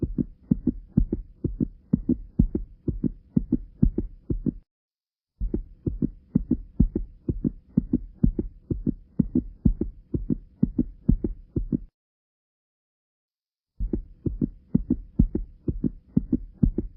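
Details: Regular heartbeat with a low rumbling murmur between beats; tricuspid stenosis murmur.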